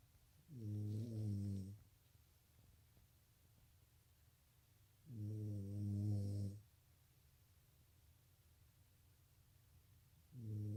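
Low, rumbling snores on each breath in, about 13 a minute, with quiet pauses between them.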